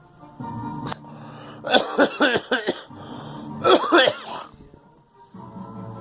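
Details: Two bursts of harsh, repeated coughing, several coughs each, over a steady background hum; persistent cough the speaker attributes to a recent flu shot.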